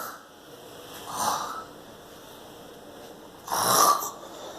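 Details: A child makes two noisy, snore-like breaths, imitating how his grandmother snores while asleep; imitated, not real snoring.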